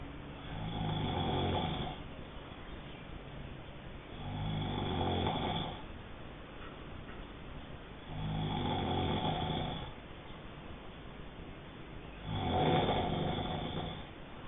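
Four loud, rough, vibrating snores about every four seconds, roughly 16 breaths a minute, with quieter exhalations between; steady snoring.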